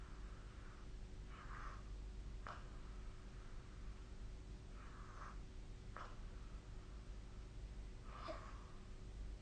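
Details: Snoring during sleep, recorded with the SnoreLab snore app on 2025/04/19: quiet, rough snorting breaths recur about every three seconds over a steady low room hum.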